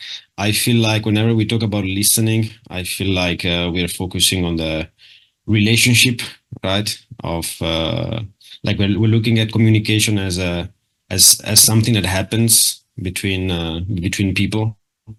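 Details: Adult speaker; typical speech.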